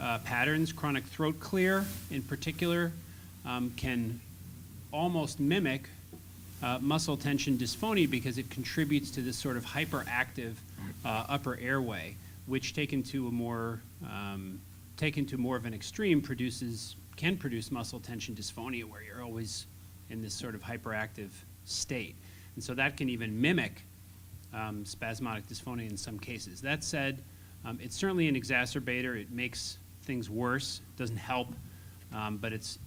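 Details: Adult male speaker; typical speaker.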